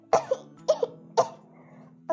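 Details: Three short, light coughs, each with a small catch after it, over faint background music, from a female Indonesian VTuber during her first livestream; cough.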